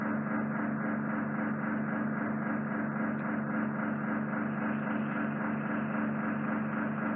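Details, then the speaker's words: Endoscopic microsuction of impacted ear wax lying directly on the eardrum after cotton-bud use, suction probe touching the eardrum with the patient told to stay still: loud, steady suction roar, rhythmic pump pulse about 110/min, faint high hiss. "I can't get any more out because I'm putting the suction probe on the eardrum. I can feel the eardrum, I can visually see it being sucked into the suction probe, so we don't want to cause any trauma there."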